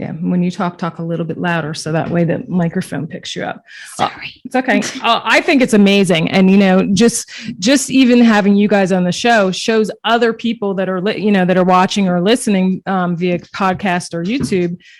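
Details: Adult woman speaking in a small room; normal conversational speech.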